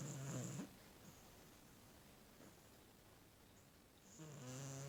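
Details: Sleeping, twitching pet cat: two low, rumbling, buzzy breath sounds with a quiet pause between them; snoring.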